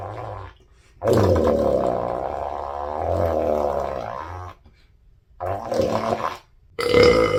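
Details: Burps after a lunch of pizza, fries and a shake causing bloating: four loud, drawn-out, rumbling belches, one lasting several seconds; burping.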